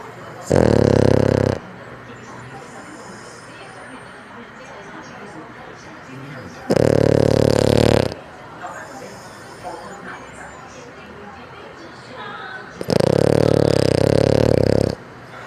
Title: frenchbulldog Snoring ❤️ #nature #doglover #highlights